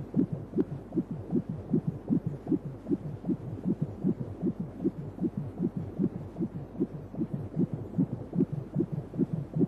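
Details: 3D/4D ultrasound baby scan: rapid, regular whooshing thumps at about 150 per minute over a low hum; a fetal heartbeat.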